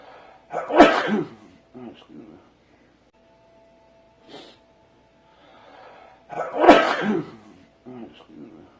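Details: Two sharp sneeze bursts, each followed by small snuffling sounds; the sneeze is played sped-up and slowed down.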